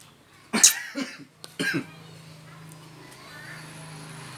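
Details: Father's cough while his baby laughs at it: two harsh cough bursts, then a quiet room with a steady low hum; afterwards someone mentions a sore throat.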